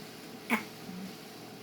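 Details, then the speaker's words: Breastfed infant gives a single short, soft burp while being burped during feeding in a quiet room. "see do you hear it that was a good little burp"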